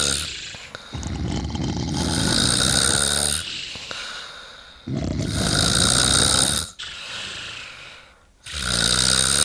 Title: Snoring+man+and+snoring+girl+in+a+bubble+and+on+a+bubble ID ufHOigAeQzqjoveTkQfe g==